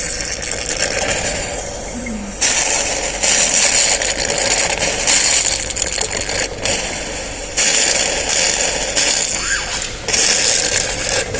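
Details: Portable GEA YX930D suction pump demonstrated aspirating plain water with its vacuum regulator set: loud steady motor hiss with rattling and gurgling as water is drawn into the collection jars, the level changing in bursts.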